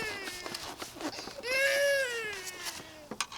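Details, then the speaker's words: Brief, high, wavering infant cry in the background, rising and falling over clicks and handling noise during a car air-filter repair. "sorry I hear the baby crying a little bit there so what happened is a backyard a mechanic you know try to be a mechanic see some money doing that why the baby's crying"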